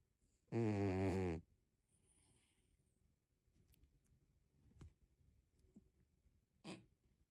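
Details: Sleeping tabby cat snoring.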